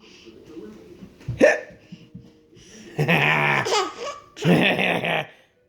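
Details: Infant hiccups: sharp voiced catches with sudden inhaled jolts, mixed with baby laughter and babbling.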